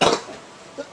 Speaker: woke up with a sore throat and a bad cough. And then his nose got really stuffy.